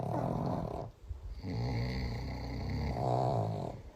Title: TOP 5 FUNNIEST SNORES IN THE WORLD! 😮🤣